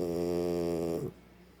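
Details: Dog sleeping on the owner's lap: one sustained, buzzing, low snore lasting about a second, then quiet; snoring.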